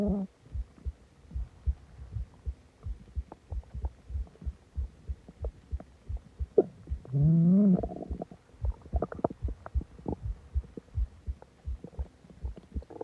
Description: I ate a lot of food and drank a soda and my stomach went crazy